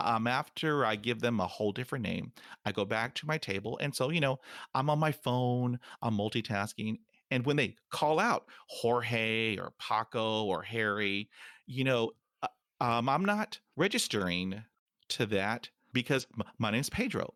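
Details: Man almost 50 who stutters, including when alone; stuttering.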